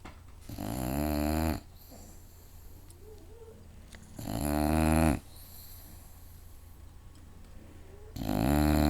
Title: My bulldog snoring loud